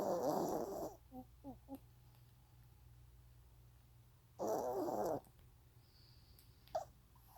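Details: Sleeping dog snoring: two rough, rattling snore breaths about four seconds apart, with small soft grunts between them; ordinary sleep snoring.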